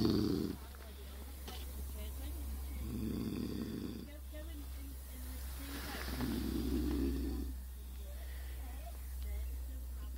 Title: mr fluffy snoring